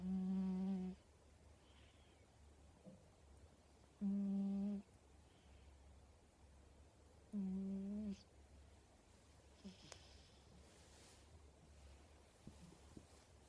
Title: A snoring Mr Mogens